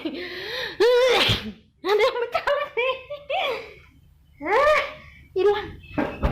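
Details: Forceful voiced sneeze with gasps, exclamations and squeals, induced during a COVID-19 PCR nasal swab test in a small room; sneeze.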